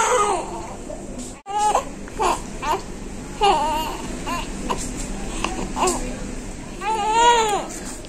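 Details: Newborn baby immediately after birth: repeated short, rising-and-falling wails, a vigorous normal cry, with some room noise behind.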